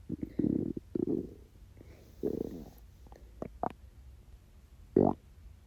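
Several gurgling, rumbling bursts with short squeaky gurgles between them; ordinary hunger stomach growling from an empty stomach.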